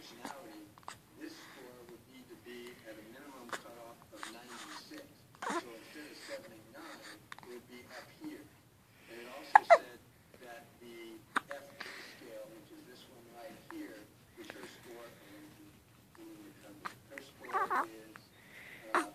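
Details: Baby with hiccups: small fussy sounds broken by repeated abrupt hiccup catches while an adult talks softly.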